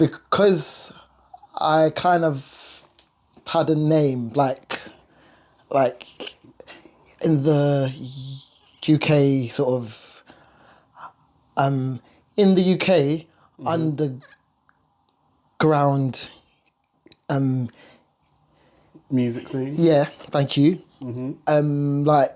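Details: Stuttering (stammer) in an adult male singer and vocal producer who has lived with it.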